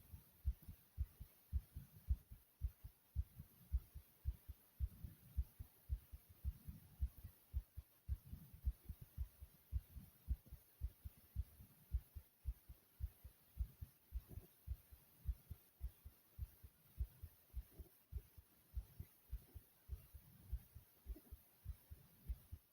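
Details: Normal heartbeat: steady, regular, calm low thumps in paired beats; the person's own heart, described as beating soothingly.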